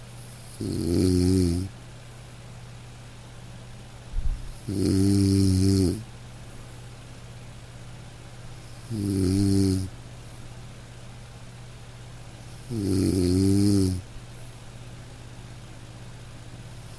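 Four regular low snores, about 15 a minute, over soft steady rain. Gentle, ordinary sleep snoring from a dog.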